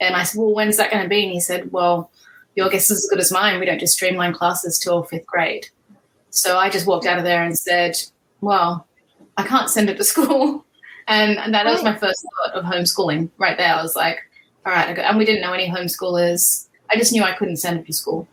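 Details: Adult woman speaking; normal speech.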